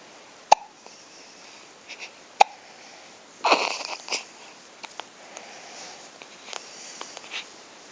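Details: Hiccups: sharp, brief hiccup sounds at irregular intervals, with a few softer breathy noises between them in a quiet room.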